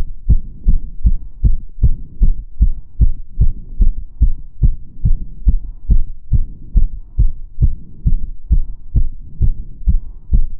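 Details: Own heart sounds recorded while doing step-up exercise: rapid, regular heartbeats with strong low thumps at about 146 per minute; fast heart rate from exertion.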